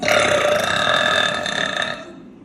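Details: Woman's single sustained, loud, rough belch lasting about two seconds and fading at the end; burping.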